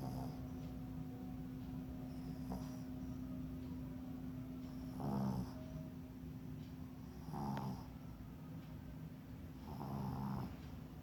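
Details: Giant panda snoring during an acupuncture session.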